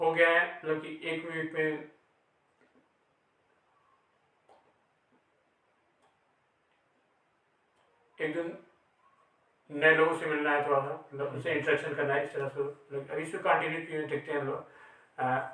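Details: Real stuttering in an adult male who belongs to a stammering self-help group.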